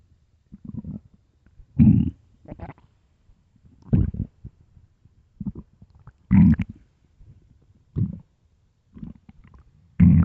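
Irregular deep gurgling growls from an empty stomach, about sixteen bursts a minute; ordinary bowel sounds of hunger.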